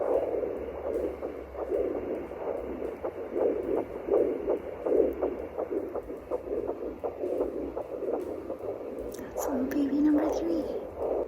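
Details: Rapid whooshing pulses at about 170 a minute over static: fetal heartbeat found for the first time on a home Doppler at 9 weeks pregnant with a third baby; the maternal pulse can also be picked up.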